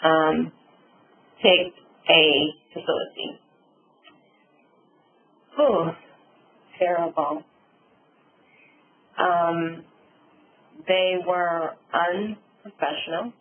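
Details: Adult woman, real stroke survivor, with aphasia and apraxia of speech after a subarachnoid hemorrhage and stroke; she reports sometimes being unable to think of the word; aphasia and apraxia of speech.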